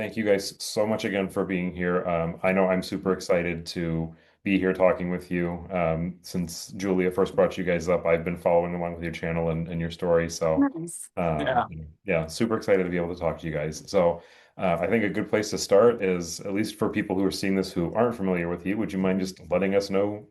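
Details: Adult male speaker; normal conversational speech.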